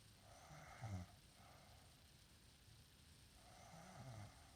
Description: She sleeps in and snores loud